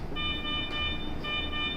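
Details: Allied Meditec M300 patient monitor with settable low, medium and high alarm priorities: a steady electronic alarm tone sounds in repeated bursts over a low background hum; patient monitor alarm.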